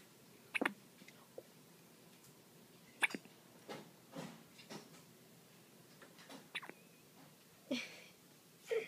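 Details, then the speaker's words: About five brief, sharp, irregularly spaced hiccups over nine seconds in a quiet room; hiccups. "She wait till they clean the forehead. Your hiccups will be gone by then."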